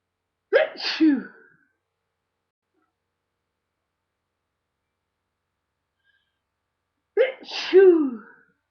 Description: some loud sneezes and this time with a little noseblow for my friend